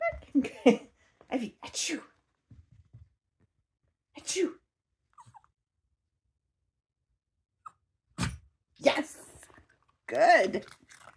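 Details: Female Border Terrier learning to sneeze on command: several short, sharp nasal snorts (sneezes) between quiet gaps, with owner's praising voice.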